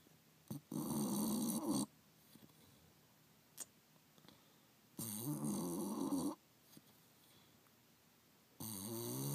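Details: Bulldog sleeping and twitching under a chair next to the heater; loud rough rattling snores, three long noisy breaths with quiet pauses, about 13 a minute: snoring.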